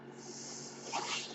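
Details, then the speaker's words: The speaker's own mechanical ventilator heard in the background while they talk on a podcast: mechanical ventilator breath. "My name is. That noise you're hearing is my ventilator, and thank you for tuning in to Page Turners They Were Not, my Star Wars podcast."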